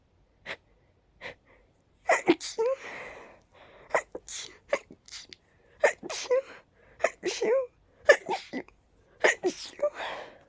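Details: Person deliberately ending each sneeze with a voiced "choo": a run of repeated sneezes separated by brief pauses.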